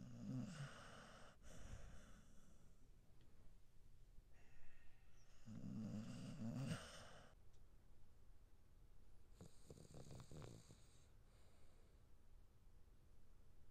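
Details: Quiet snorting snores with soft huffs between breaths from a sleeping Pembroke Welsh Corgi born in 2020, a three-legged dog with congenital ectrodactyly of one foot; harmless sleep snoring.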